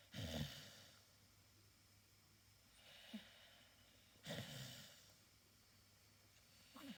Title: Staffy snoring, cute and relaxing